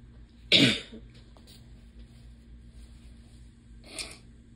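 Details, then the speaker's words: Adult with a running nose, hoarse voice and pollen allergy, deviated septum and polyps on the more swollen side: forceful wet nose blow then a weaker second blow, switching sides; nose blowing with nasal congestion. "um but yeah so I'm gonna blow my nose one more time and then be done so yeah hold on I'm gonna need another tissue for the other side"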